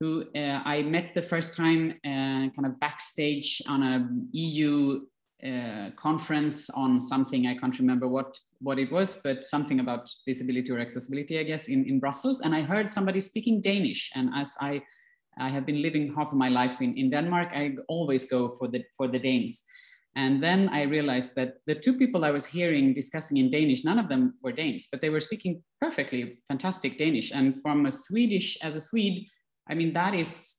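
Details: Adult speaker; ordinary speech.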